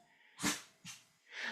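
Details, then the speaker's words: A female French bulldog snores while sleeping beside her owner, with rough, noisy breathing bursts in quick succession; dog snoring. "Eu tenho uma bulldog francês que ela ronca. Mas sabe por que que vocês estão ouvindo? Porque ontem eu tirei o abafador de ruídos por conta do PIN e vocês estão ouvindo o ronco da Kira aqui."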